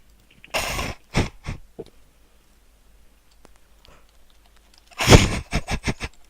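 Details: Prank call in which the caller claims a sore throat made worse by bought throat drugs: two bursts of forced, harsh coughs, the second a rapid string of several, a deliberately faked cough.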